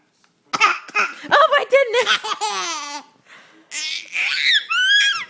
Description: Hagen learns to mimic coughing